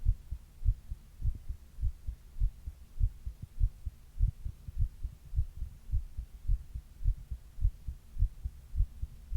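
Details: Steady, regular, low heartbeat at about 100 beats a minute with a soft hum, the recorder's own heart recorded while reading a book; normal heart sounds.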